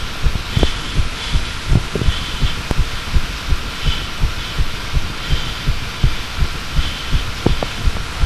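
Steady thudding heartbeat, roughly 80 beats a minute, paired lub-dub sounds over a low steady hum.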